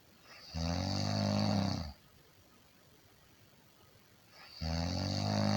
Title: 50 minutes of Snoring sound - Snoring like nobody else